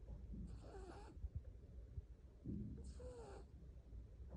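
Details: A sleeping cat snoring.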